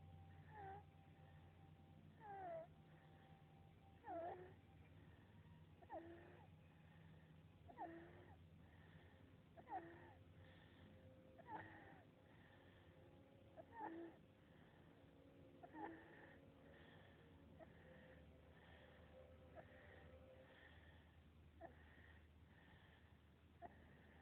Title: Sleeping stridor